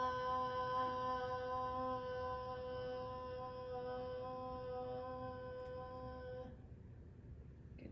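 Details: Child's voice; sustained vowel phonation (maximum phonation time task).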